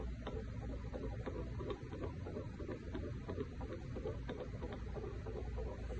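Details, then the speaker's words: Fetal heartbeat on Doppler of a pregnant woman during fetal assessment: rapid, regular soft pulsing over a low steady hum, roughly 130 a minute, within the normal 110–160 range. "and so that's what we hear. We want to have a heartbeat of 110 to 160."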